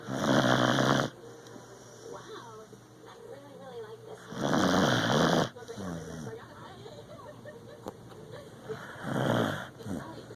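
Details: Beagle snoring in sleep; three loud, rough snores about every four seconds, roughly 14 a minute, with quieter breathing and faint background sounds between them.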